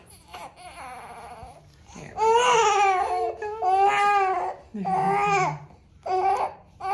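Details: Baby with hip imbalance and postural strain during a gentle pediatric chiropractic session: several loud, tonal cries in short bursts with brief pauses, in a small room.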